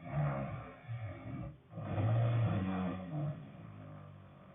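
Deep, rumbling, growl-like snores with a brief pause between breaths, over muffled low noise; loud snoring.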